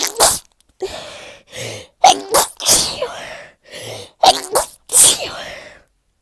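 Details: Person with cold/flu, congested and stuffy, with fever, sore throat, cough and constant sneezing: rapid series of about eight forceful sneezes with sharp breaths between; repeated sneezing.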